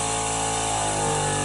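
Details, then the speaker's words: Suction unit switched on and tested before use in an EMT suctioning skill demonstration on a manikin: steady loud mechanical hum and hiss, showing good suction. "okay so then and then after that after we lost an inner patient we're going to gather our testing equip and test our equipment of our suctioning"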